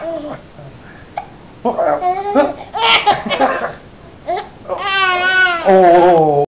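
Short infant vocal bursts and babble build into a sustained, high-pitched wailing cry at the end.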